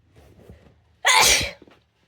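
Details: Sneeze: a single sharp, hissing burst lasting about half a second, after a few soft breaths.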